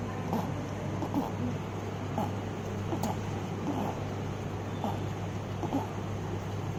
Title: Stridor - congenital Laryngomalacia